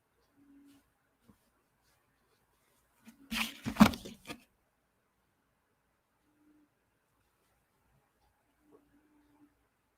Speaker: He's snoring. I couldn't figure out what that noise was. Little tiny kitty snores.